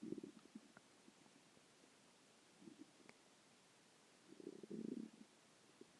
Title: stomach growling 2